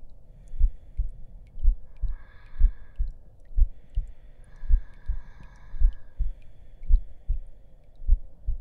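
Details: Simulated heartbeat in an ASMR roleplay audio, steady low thumping at about 54 beats a minute, with soft female voices murmuring over it while the listener is told to lie down and rest.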